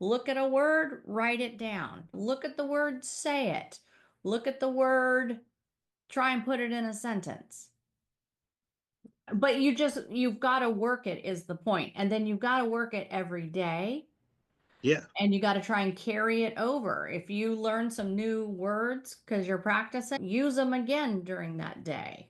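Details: Adult speaker; normal speech.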